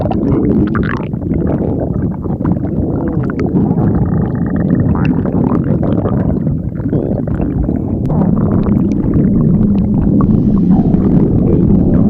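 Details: Stomach growling from VTubers: loud, continuous, low rumbling with some gurgling, blurred by heavy microphone noise.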